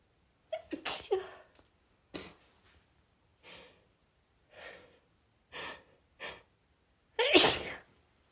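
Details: Woman sniffing scented pine candles she is sensitive to, attempting holdbacks: series of short stifled sneezes and sharp breaths ending in one full loud sneeze; sneezing.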